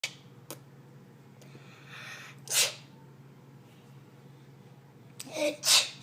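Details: Older sister (child) sneezing: three sharp hissing sneezes with quiet room hum between, baby laughing afterward; ordinary sneezing.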